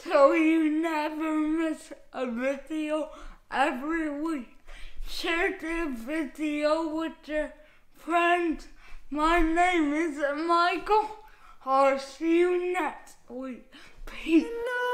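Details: Man with cerebral palsy, which he attributes to being born not breathing, who says his speech is affected; dysarthria (cerebral palsy).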